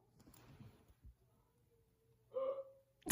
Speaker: My dad legit got the hiccups and it sounds so weird and I can hear it through my vent.